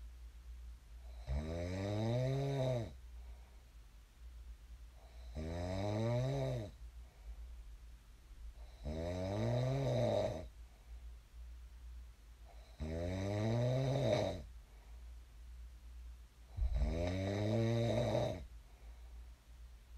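Loud, regular rattling snores on each in-breath, about 15 a minute, with quiet pauses between.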